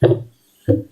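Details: Two low, dull thumps with a short quiet gap between them, heard through a stethoscope, played as an example of normal heartbeats: normal heart sounds.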